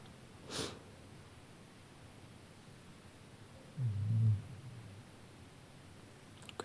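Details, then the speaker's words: Loud snoring from an old Dogo Argentino–Staffordshire cross dog, heard in the background of a recording. The owner says the dog snores enormously. "le bruit de fond que tu entends le ronflement c'est mon chien j'ai un dogue argentin"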